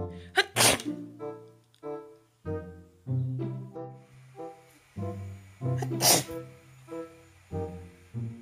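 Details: Sneeze heard in a room with music, with a Schnauzer puppy (Suzie) reacting startled; sneeze.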